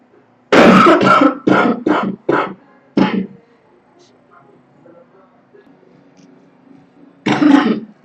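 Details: Girl coughing: a run of five short, harsh coughs, then a pause and a single further cough.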